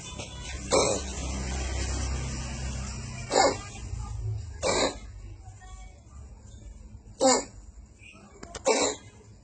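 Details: Five short, harsh hacking coughs from a cat over about nine seconds, with background music and room noise; cat cough.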